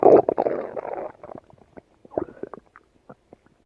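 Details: Yellow Labrador dog gut sounds: a gurgling rumble followed by scattered soft pops and clicks; active bowel sounds (borborygmi).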